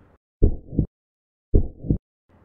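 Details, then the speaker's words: Normal heart sounds, regular lub-dub at about 53 a minute: S1 from closure of the atrioventricular valves and S2 from closure of the semilunar valves, with no murmur. "les auriculo-ventriculaires sont donc responsables du premier bruit et les semis lunaires du deuxième bruit à l'auscultation du cœur ça donne ceci B1 B2 B1 B2"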